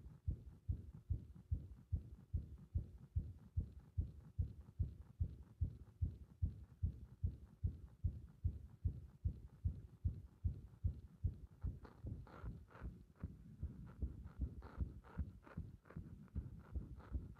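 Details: Fast, muffled heartbeat recorded with the chest pressed, with uneven spacing and skipped or extra-sounding beats, described as a bursting sensation in the heart; frequent arrhythmia.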